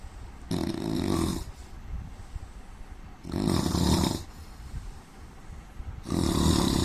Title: indian man snoring 🤣